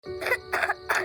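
Three quick, harsh coughs from a child over soft background music, an acted cough.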